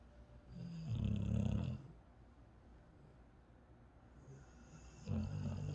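Deep rumbling snores on breathing in, with a softer whistling tone and quiet pauses between; snoring.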